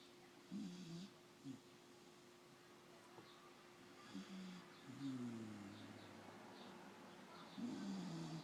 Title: Snoring puppy